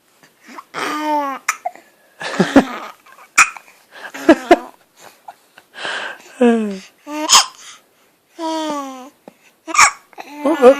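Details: Baby babbles and laughs while trying to talk, interrupted several times by sudden short gulping hiccups: infant hiccups.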